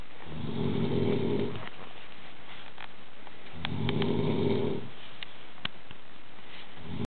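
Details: Snoring in an adult man during sleep: two long, low, rumbling snores a few seconds apart, with quiet pauses between them.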